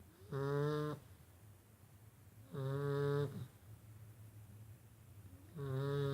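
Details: Golden Retriever puppy in deep sleep: soft, buzzy, tonal snores on each breath, roughly every 2.5 seconds, with quiet pauses between. Puppy snoring.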